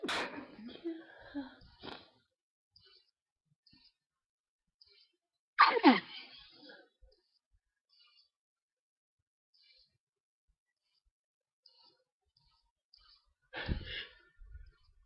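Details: Night-time sneezing from hay fever, recorded while unable to sleep, with an itchy, tickly nose; the person is taking allergy pills. Three separate sneezes in a quiet room, each preceded by an in-drawn breath.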